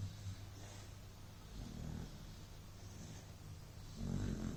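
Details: Beagle dog napping during an afternoon siesta: low, continuous rumbling breath noise with soft snorty swells; dog snoring.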